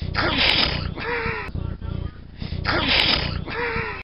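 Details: Repeated sneezing: two loud, abrupt bursts about 2.5 seconds apart.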